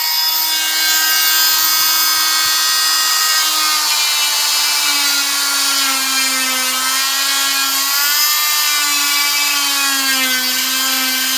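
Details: Loud, steady high-pitched whine with a slight wavering pitch as the blade meets resistance: an oscillating cast saw cutting through a cast during cast removal.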